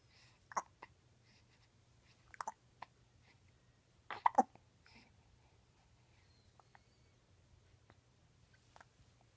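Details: Ten-day-old newborn with hiccups at 5:30 AM: soft, brief, abrupt catches of breath, irregularly spaced in a quiet room.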